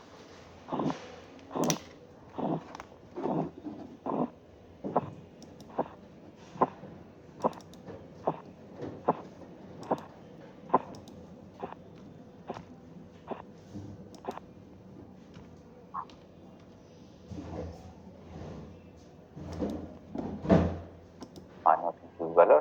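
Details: Korotkoff sounds during blood pressure auscultation, systolic 182; sounds disappeared at 170 then reappeared (auscultatory gap), finally disappearing at 116.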